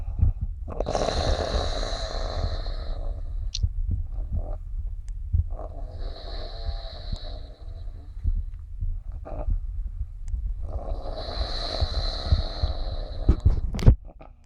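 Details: Loud rumbling snores with whistling, tuneful nasal tones over three long breath cycles in about 14 seconds: snoring with a nasal whistle.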